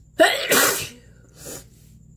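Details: Close-up nose sneezes blasted at the camera: a sharp intake, then an explosive hissing sneeze followed by a softer second puff.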